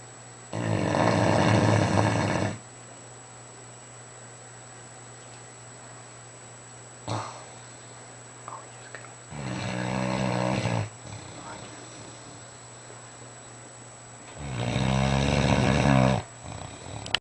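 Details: Fila Brasileiro mastiff snoring asleep in bed: three loud, rough, rattling snores several seconds apart.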